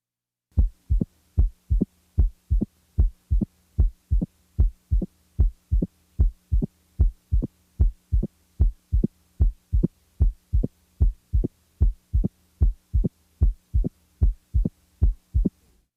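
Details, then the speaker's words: Teaching recording: steady heartbeat about 75 a minute with a short, sharp high-frequency click 60–100 ms after the second sound in early diastole, best heard with the diaphragm firmly pressed, typically from mitral stenosis; opening snap. "now the third heart sound the opening snap is best heard with the diaphragm firmly pressed while the s3 is best heard with the bell lightly held"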